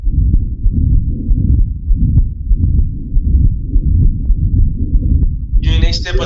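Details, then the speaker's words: Child with patent ductus arteriosus: a long machinery-like continuous murmur running past the second sound, mixed with the child's breathing noises; patent ductus arteriosus continuous murmur. "Esto es un soplo de un ducto. Es que también los ruidos respiratorios, pero es un soplo que a veces es muy evidente el soplo en maquinaria, ¿no?"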